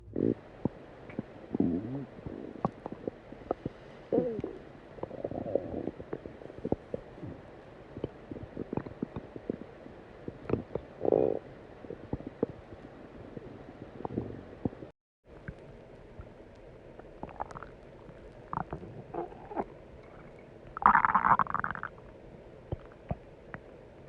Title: stomach rumbling